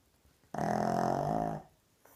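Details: A single loud, buzzing snore lasting about a second, rattling on the in-breath, from a sleeping pug; loud snoring.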